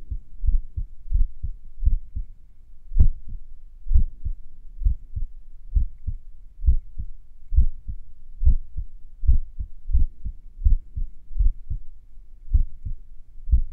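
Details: Heartbeat recorded a few minutes after morning exercise: about 67 per minute with beat-to-beat gaps that lengthen and shorten, sinus arrhythmia during recovery.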